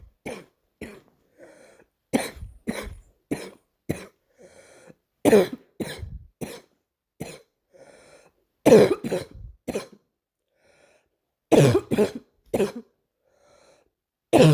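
Repeated short, harsh cough bursts in clusters with pauses and soft throat sounds between, about twenty coughs over fifteen seconds; morning coughing episode.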